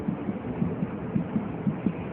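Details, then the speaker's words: Quick, soft, muffled fetal heartbeat over a low rumble during Leopold examination, fetal back on the right, auscultated lower right quadrant paramedian line; faster than the mother's pulse, counted in 5-second intervals; fetal heart sounds. "kita akan mendengarkan dan hitung kalau sudah ini yakin denyut jantung Hai gimana jenis jantung janin bahkan akan lebih cepat dari denyut nadi ibunya"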